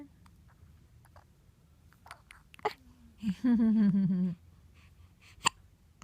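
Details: Quiet room with a few brief clicky catches and a short voiced baby sound: hiccups in a baby girl, a normal occurrence.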